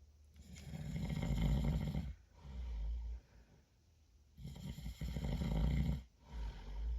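Deep, rumbling snores on each in-breath, with softer out-breaths, in a steady cycle of about two breaths in seven seconds.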